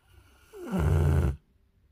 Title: This is the first time I heard snoring so loudly.